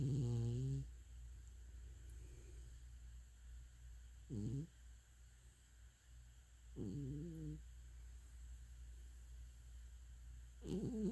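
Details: Sleeping, dreaming cat snoring: soft, low, squeaky nasal snores every few seconds over steady room hum.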